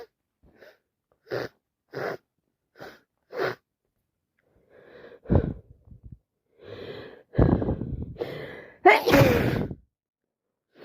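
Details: Day 3 of a common cold: four short sneezes, then several louder wet sneezes with sharp in-breaths before them in quick succession; repeated sneezing.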